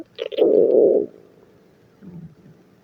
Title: Stomach Growling at Work